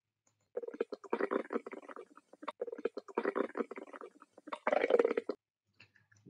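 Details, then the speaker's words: Normal active bowel sounds auscultated with a stethoscope in a nursing demonstration: intermittent gurgling and clicking abdominal sounds in a few clusters, normoactive. "this is how the normal active vvel sounds be like"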